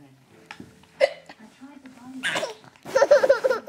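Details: Laughing baby with hiccups: a sharp hiccup-like catch of breath followed by laughter, with adult voices in the room.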